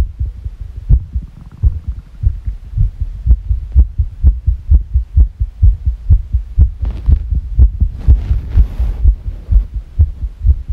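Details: Rapid heartbeats at about 125 a minute with uneven spacing between beats, described as sick; fast irregular heartbeat.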